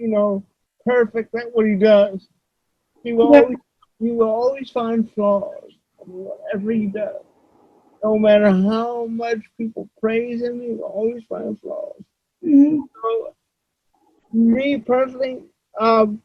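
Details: Adult male with cerebral palsy, who reports that voice-recognition software fails to understand him about half the time; dysarthria due to cerebral palsy.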